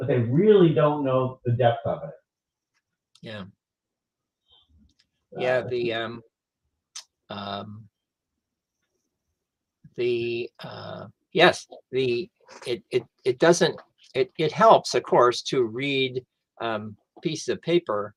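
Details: Adult male stroke survivor who lost his language after a stroke, now with mostly expressive (Broca's) aphasia plus some receptive difficulty; expressive aphasia.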